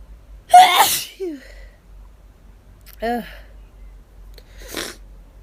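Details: Hay fever sneezing after running out of medication, with itching and lightheadedness: several rapid, intense, sharp sneezes, each preceded by a quick intake of breath, in a quiet room.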